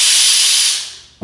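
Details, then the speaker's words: Loud high-pitched air hiss from a dental handpiece fading as it spins down, run for a few seconds after a two-second lubricant spray to purge excess oil from the head before sterilization. "spray the oil for approximately two seconds 12 is all you need to do take the handpiece and run the handpiece for approximately"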